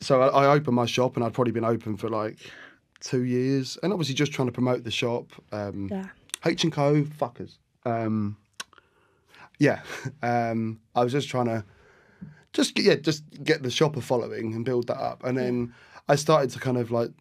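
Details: Adult male with Tourette syndrome, tics first appearing in childhood after a minor ski accident; involuntary sweary vocal tic; vocal tic with coprolalia (Tourette syndrome).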